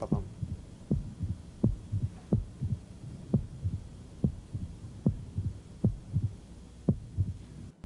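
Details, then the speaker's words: Pericardial knock in a male patient with a median sternotomy scar, chest wall retracting in systole, and proximal muscle wasting, heard at the lower left sternal border and further out; resembles a mitral opening snap. "now you might say hey that sounds a lot like that mitral opening snip"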